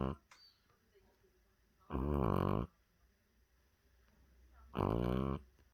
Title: Soothing dog snores